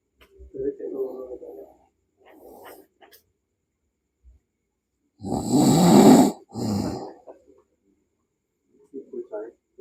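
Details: Person snoring while asleep: irregular snorting and rattling breath sounds with one loud harsh snore and quieter grunts, with background music.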